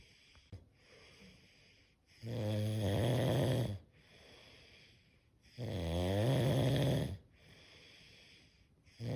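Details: Five minutes of snoring, with a note that children are sleeping: loud, low buzzing snores on each breath in about three seconds apart, quiet breathing out between; ordinary snoring.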